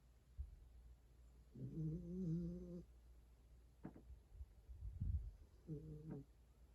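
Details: Dog snoring and dreaming while asleep in a quiet room: two soft, whistling, buzzy snore breaths with faint snuffles between them; light snoring.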